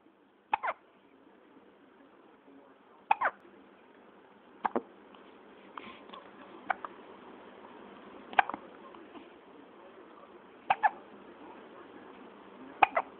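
Sharp, abrupt throat clicks recur about every two seconds, roughly 30 a minute, seven in all. Ongoing hiccups.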